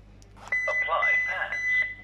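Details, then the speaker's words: Defibrillator check demonstration: steady electronic tone over a brief automated voice prompt after pads are connected and ECG appears, guiding whether shock or monitoring is needed; AED voice prompt. "And then we will follow the voice prompts from the defib. It will show us if the patient needs a shock or we just have to monitor the patient."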